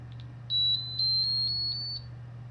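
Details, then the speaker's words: Kangaroo Joey enteral feeding pump for a patient's G-tube and J-tube feeds, at home: a short series of high, steady electronic beeps over a low room hum as it is powered on; a routine power-on tone. "ok now we're actually to the point of turning on and programming the pump so I am going to hit the power button right here"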